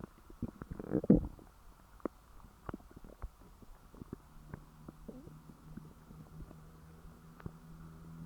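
Gurgling, bubbling rumbles with scattered clicks and a longer low growl; ordinary stomach growling after a large meal.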